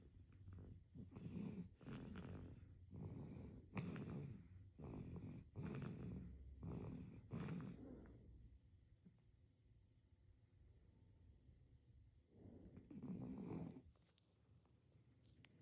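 Repeated rough, snorting breath noises during sleep, then a pause and one more; infant snoring.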